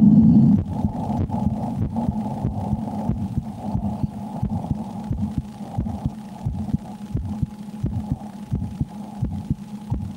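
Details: A woman records her own heartbeat while playing a horror game (Slender: The 8 Pages) to let listeners hear how it changes with extreme fear: normal heart sounds.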